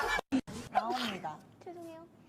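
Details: A Blackpink member gives a single voiced sneeze: a rising breathy intake, then a sharp burst with a trailing vocal sound.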